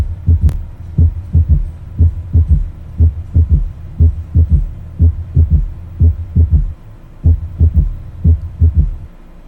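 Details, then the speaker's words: Third heart sound (S3) auscultated at the mitral focus: steady low, dull heartbeats with an extra soft thud after the second sound, giving a galloping rhythm; with tachycardia it is called ventricular gallop. "Ahora vamos a escuchar el tercer ruido."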